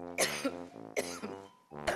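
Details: Adult woman in a coughing fit while speaking: three harsh, voiced coughs in quick succession.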